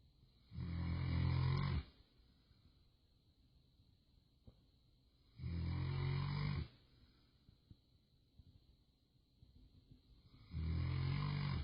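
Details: Snoring in a sleeping pet: three loud, deep, rumbling snores about five seconds apart, roughly 12 breaths a minute.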